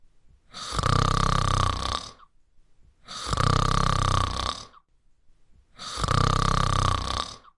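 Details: 3D-animated simulated demonstration of normal breathing, snoring and obstructive sleep apnea: three loud, rattling snores on regular breaths, each about a second and a half long.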